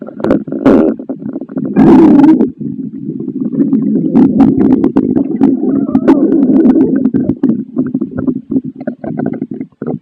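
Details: Stomach growling after eating pasta: continuous low gurgling and rumbling from the belly with bubbly clicks and louder surges (borborygmi).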